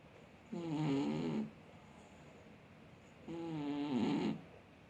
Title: Кот храпит как взрослый мужик / Snoring cat does it like a man